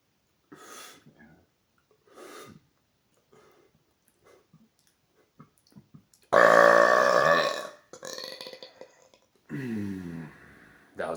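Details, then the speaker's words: Deliberate burping after drinking about 1.25 liters of Coke Zero: several burps, one long, deep and loud, with quieter ones around it in a small room, fizzy and loud. "wow that was a mix of fizzy and loud I love it"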